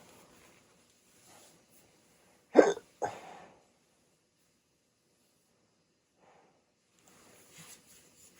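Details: A sharp, abrupt hiccup burst with a quick second catch, then quiet breathing in a small room; a rare 16-minute hiccup bout after waking from sleep with a CPAP mask for sleep apnea.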